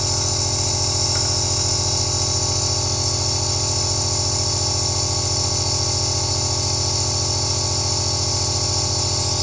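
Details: Steady, unbroken mechanical hum with a constant airy hiss from a nebulizer (aerosol) compressor running, level unchanging, recorded first-person for relaxation; nebulizer running.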